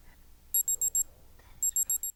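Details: Digital thermometer beep.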